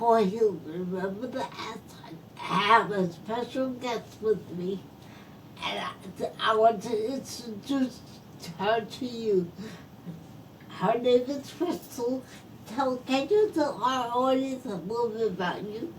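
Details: Post-stroke speech impairment in a woman who is a stroke survivor.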